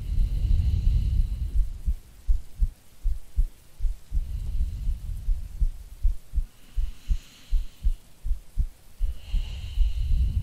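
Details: Muffled low heartbeat thumps, about 79 a minute, from an ASMR creator playing a sleepy girlfriend, recorded as a sleep aid under rain and distant thunder; normal heartbeat.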